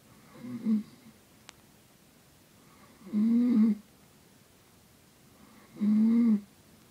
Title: Mom snoring